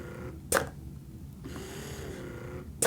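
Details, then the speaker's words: Unimom Opera dual-motor hospital-grade breast pump, suction turned up at a slow expression setting: slow, long suction pulls with soft motor hum and a sharp release click between cycles. "But you can go 42 cycles, 38, 34, 30, and clear down to 26. Actually, I'm going to turn up the suction so you can hear that."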